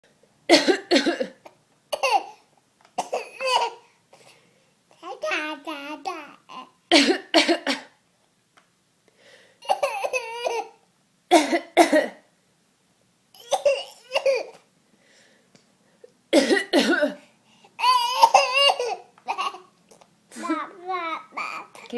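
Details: Max, a 9½-month-old infant, imitating a cough as a new trick: short, deliberate cough-like bursts mixed with babbling and squeals.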